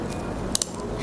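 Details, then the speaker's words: Delivery demonstration on a model, third stage: plastic umbilical cord clamp locking shut before cord is milked for second clamp and cut, two quick sharp clicks over steady room noise. "bunyi kuncinya kemudian kita urut untuk bekas e pengklaiman yang kedua"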